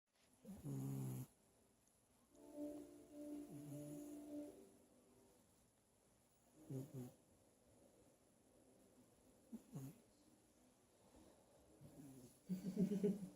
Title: The snoring kitten 🐈